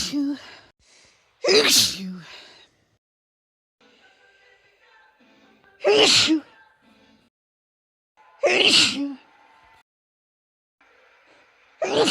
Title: compilation of recent sneezes (F)